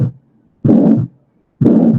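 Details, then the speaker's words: Harsh, diamond-shaped systolic ejection murmur between S1 and S2 at the pulmonary area, about 60 beats a minute, from pulmonary stenosis with thickened pulmonary valve, softer than aortic stenosis and not radiating to the neck. "Fíjense que tiene su carácter romboidal, es entre el S1 y el S2, que me dice que es sistólico, y lo estaría escuchando en el área pulmonar."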